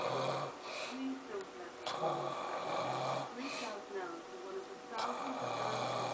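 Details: Father snoring while asleep beside a sleeping child, waking the child: loud, rattling snores repeating about every two to three seconds, with some background noise.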